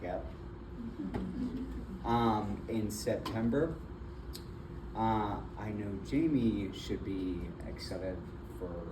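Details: Adult man with aphasia and apraxia of speech after a stroke in February 2024, with several further strokes. He was initially nonverbal, with right arm and leg impairment, and is still in speech therapy. Finding: aphasia with apraxia of speech.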